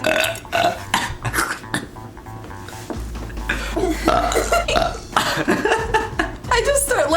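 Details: Compilation of voluntary belching: repeated loud, drawn-out burps in quick succession, with background music and voices.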